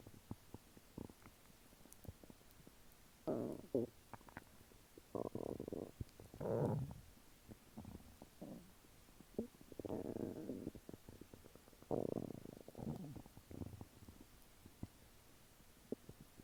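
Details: Normal bowel sounds after a meal of chicken nuggets and fries: soft, intermittent gurgles and rumbles over a quiet background.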